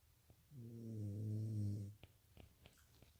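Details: Snoring.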